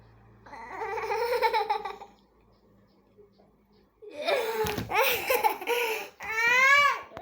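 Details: Infant crying: short bursts of crying and fussing separated by a quiet pause, in a small room.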